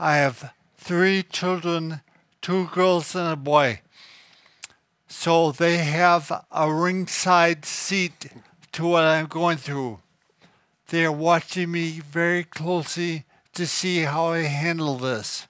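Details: Adult man diagnosed with cerebellar ataxia, thought to be genetic and expected to worsen, affecting speech, coordination and balance but not thinking: ataxic dysarthria.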